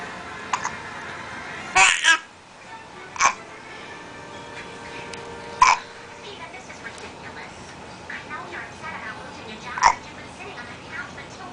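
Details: Four sharp, brief hiccups over about ten seconds from a drooling, smiling baby, with soft baby sounds and room noise between them; normal infant hiccups.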